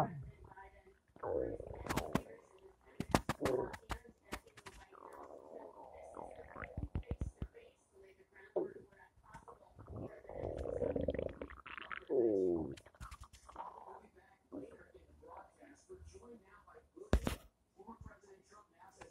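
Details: Gurgling, bubbling rumbles with creaky, squeaky bursts and brief noises; typical stomach growling (borborygmi) from gas and fluid moving through the gut.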